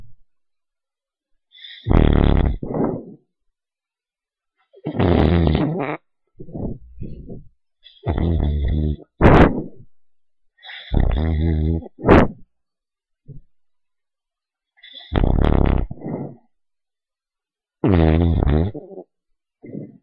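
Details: Little dog asleep, snoring loudly: low, rumbling snores in paired bursts, about 18 a minute, in a quiet room.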